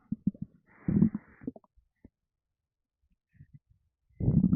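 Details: Stomach rumbling in a gassy person: low gurgling rumbles in bursts, then quiet, then another rumble, with burps mentioned; ordinary bowel sounds.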